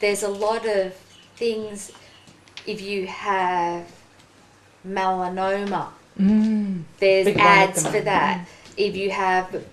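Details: Woman, 43, with aphasia after a ruptured brain aneurysm and stroke 4.5 years earlier; slower speech and word-finding difficulty; aphasia.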